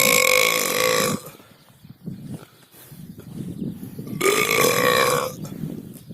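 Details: Burping: two long, loud, resonant belches a few seconds apart, with quiet outdoor sounds between.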